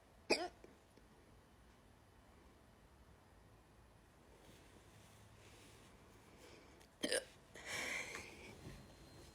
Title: Woke up with hiccups